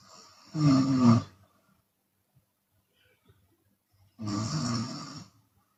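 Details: Open-mouth snoring from a sleeping Chinese woman who sometimes exhales through the mouth: two loud, rough snores about three and a half seconds apart, with quiet pauses between them.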